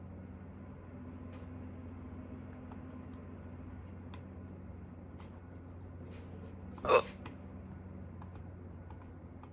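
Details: A single sharp, abrupt hiccup in a quiet room with a low steady background hum, from a person who had hiccups for the first time in a long time.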